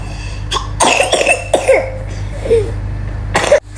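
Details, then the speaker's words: Child giving several short, forceful coughs in a row, with faint room noise; cough. "Sedih kalau lihat anak batuk kayak gitu."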